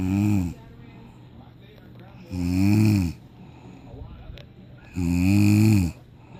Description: It's the middle of the night my mom just fell asleep and she started snoring funny